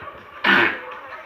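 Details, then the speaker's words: Single short, harsh cough from a pet dog, heard over quiet room noise. "Oula, désolée si vous avez entendu des toux, mais c'est mon chien."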